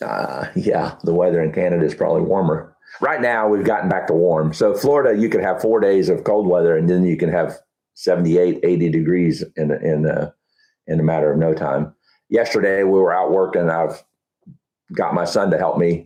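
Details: Adult man with Huntington's disease, about 10–12 years after diagnosis, real patient, who reports that talking is now challenging and his thinking is less methodical than two years ago: speech difficulty in Huntington's disease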